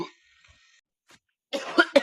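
Two or three short, sharp cough bursts after a quiet pause; a plain cough.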